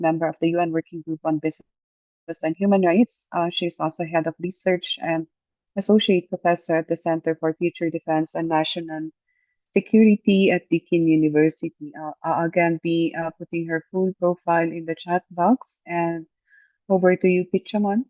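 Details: Adult speaker, online meeting; normal voice.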